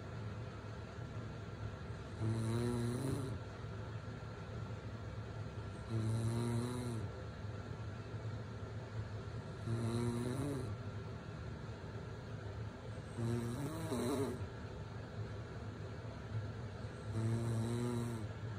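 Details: An adult mother snores as a baby sleeps through it after a day at the beach: regular low, rattling snores, about 16 a minute, over steady room hum.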